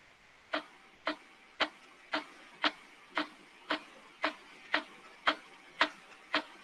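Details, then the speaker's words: Veterinary teaching demonstration of thoracic percussion, as in bronchopneumonia: twelve evenly spaced taps with a muffled note between resonant and dull, from a solid organ partly covered by air-filled tissue; subdull percussion note. "ese sería el sonido o la sub matices que como les dije es se presenta cuando se percute un órgano macizo que se encuentra cubierto por un órgano con aire"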